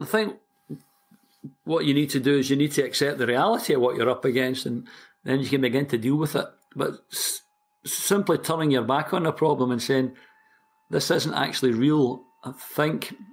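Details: Stuttering (stammering) in a 60-year-old man from Glasgow, Scotland, who has stammered since about age four, for as long as he can remember.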